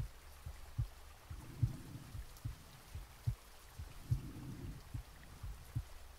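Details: Real heartbeat recorded from the chest while sleeping, with soft rain added: soft, regular low thumps at a slow resting rate; normal heart sounds.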